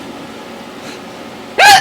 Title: Weirdest hiccups EVER!!!!!